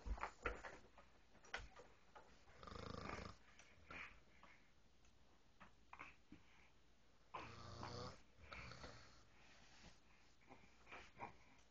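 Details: Adult woman (wife) snoring while asleep in a quiet country room: low, rough snores on inhalation with some snorting; snoring.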